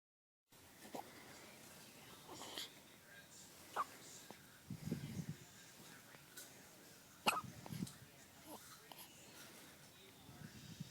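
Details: Hiccups in a one-day-old baby boy: soft, brief, sharp catches recur at irregular intervals over quiet room noise; the mother's soda carbonation is jokingly blamed.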